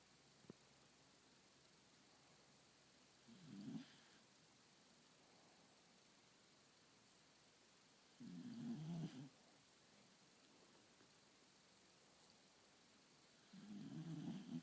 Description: Snuggled into daddy's neck, snoring away.